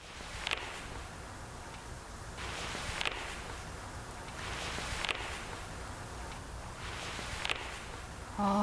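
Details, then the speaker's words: Recording from a real patient with a meniscus tear: four sharp catching clunks from the knee, one with each bend, described as a cracking, popping catch: knee clunk from meniscus tear. "반올판 연골 손상한자도 한번 같이 들어 보시죠.이 드그덕 뿌득 뿌둑 이런 소리가 날 겁니다."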